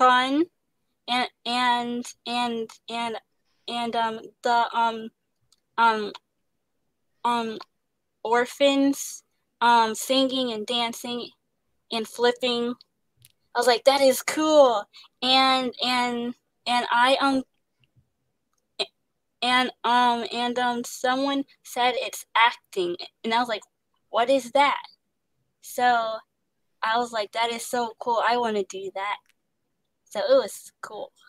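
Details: Young woman actress who stutters, describing pauses, switching words and restarting, and receiving speech therapy; stuttering.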